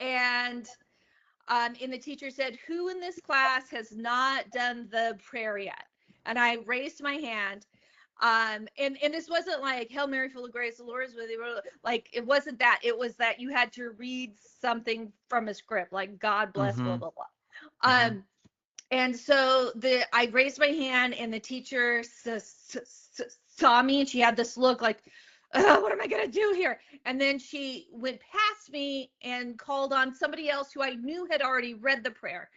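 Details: Stuttering in an adult woman, onset at age eight; open about her stutter.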